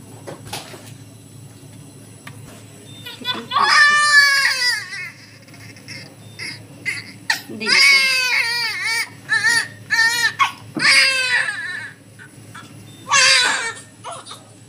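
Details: Newborn girl just after a normal hospital delivery crying vigorously: loud, strong bursts of clear, pitched wails separated by short gasps. A normal newborn cry.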